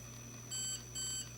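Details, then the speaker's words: Handheld Thermocoagulator ablating cervical tissue with a 19 mm probe heated to 100 degrees: two short electronic beeps over a low hum mark the countdown at five seconds left, and a final beep signals the treatment is done. "seconds left and the final beep indicates that you're done"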